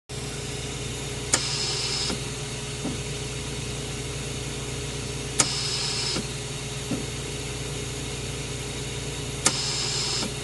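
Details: Hospital ventilator sound effect: steady machine hum with a click and short airy hiss repeating about every four seconds, mechanical ventilator cycling.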